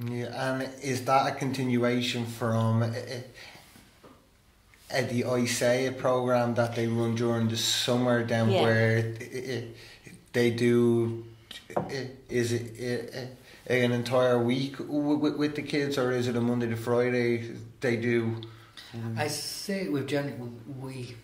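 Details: Stuttering in an adult male who stammers and has attended stammering therapy.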